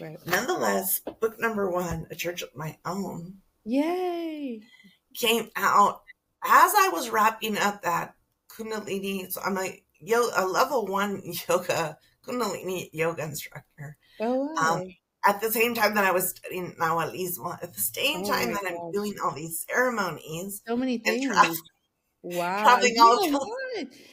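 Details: Adult woman with spasmodic dysphonia that began with stress in her first year as a teacher and took two years to diagnose; treated with Botox injections every few months, recorded at the end of her three-month cycle; spasmodic dysphonia.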